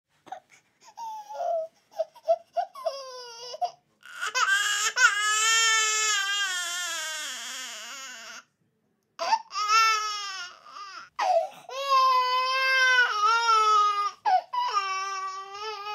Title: 8 Months Old Baby Crying Sound Effect